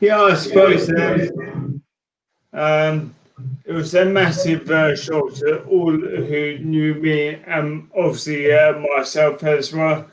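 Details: Adult man with motor neurone disease diagnosed in January 2018; speech changes were an early sign of the disease; dysarthria (motor neurone disease).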